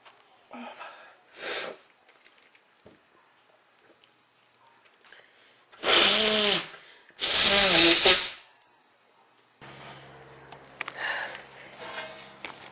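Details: Person with allergies to things like flowers, dust or plants, also with an itchy mouth, sneezing often through the day: two loud sneezes in quick succession after quieter breaths, then a low hum; sneezing.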